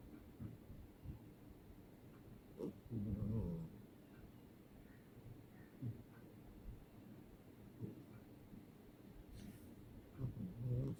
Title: Snorting snoring cat having nightmare #bgirlthefirst #blueeyescat #cat #catsleeping #pets #catsound